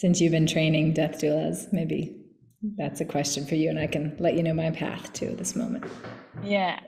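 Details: Adult speaker; normal voice.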